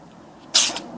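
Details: A small pet animal that is feeling better after being unwell gives a single sharp, hissing sneeze after a quiet moment; sneeze.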